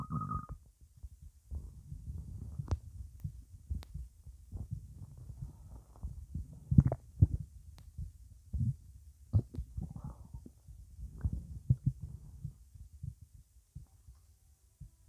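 Low irregular gurgling and rumbling from the stomach, with a brief tone at the start; ordinary bowel sounds of fluid moving.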